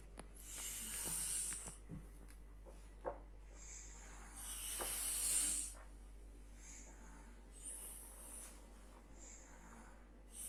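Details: Snoring during sleep: rough, rasping snores with hissing breaths repeating over steady room noise, from a narrowed, vibrating airway.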